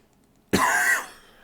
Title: Minecraft Village Survival - Part 81 (coughing into the mic like a pro)